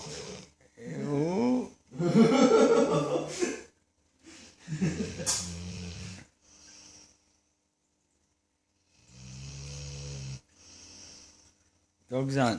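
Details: Sleeping dog with very loud snoring: irregular rasping snores with snorting and grunting between quieter pauses.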